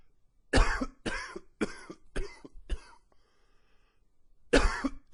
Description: The allergies have kicked in with the cooler fall weather. If you like extended fits, wheezy and and a little bit of gagging...this one should be just for you.